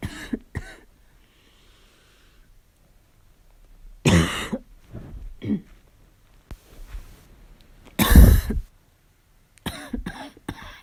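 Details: Several harsh, loud cough bursts with quieter throat sounds between them, during a fall cold; a barking cough.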